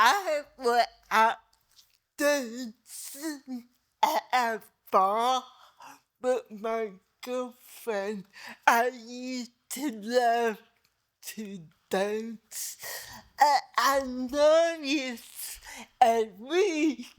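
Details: Dysarthria in a 63-year-old woman with cerebral palsy whose speech new doctors need help understanding; dysarthria (cerebral palsy).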